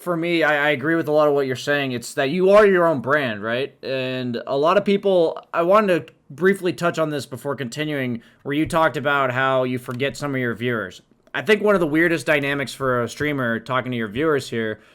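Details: Adult male speaker; typical speech.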